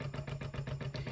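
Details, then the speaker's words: Limerick Joy electric breast pump running at vacuum level 8 and cycle speed 22; low motor hum with rhythmic suction pulses, about six a second. "So right now, I've increased the vacuum to 8 and I've decreased the cycle to 22."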